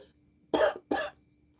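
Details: Two short, fairly loose cough bursts over a faint steady hum, from an adult taking amoxicillin and using an inhaler who says they sound a lot better; cough.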